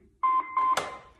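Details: Two steady electronic beeps from an automated external defibrillator in a CPR/AED training demonstration, the alert after rhythm analysis detects ventricular fibrillation, preceding the shock announcement; AED alert tone.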